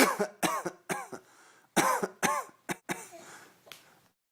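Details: Adults give a run of short, deliberate fake coughs and throat clearing, pretending to be sick, while a baby laughs between them.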